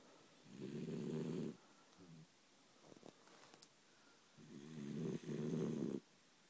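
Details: A sleeping female dachshund dog: two long, rattling, buzzing breaths separated by quiet pauses; snoring.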